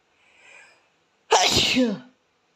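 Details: An Asian boy gives a quiet indrawn breath, then a single sharp, explosive sneeze, sneezing until his nose runs.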